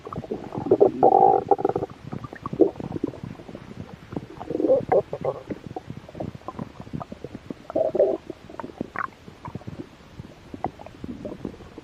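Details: Close-up ASMR recording of belly while a little hungry: gurgling, bubbling rumbles in bursts with faint clicks; borborygmi.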